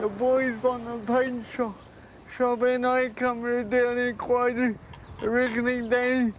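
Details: Dysarthria in a 32-year-old man with cerebral palsy since birth, high-needs and dependent on 24-hour care; speech is slurred, and a caregiver says it slurs more when he is tired.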